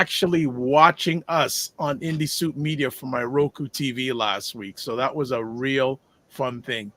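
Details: Adult male speaker; normal voice.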